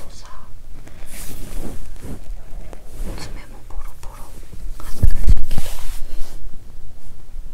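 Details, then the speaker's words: Hungry after fasting over 15 hours: low, irregular gurgling and rumbling from the belly with a few louder bubbling bursts; borborygmi (hunger stomach growling). ""I'm hungry, so I hear a lot of stomach noises.""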